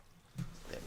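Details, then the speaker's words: Brief, deep gurgling grunt of stomach rumbling during a video game playthrough; speaker says his stomach is rumbling, normal borborygmi. "But yeah, my stomach is rumbling. And I have to head off later as well, anyway."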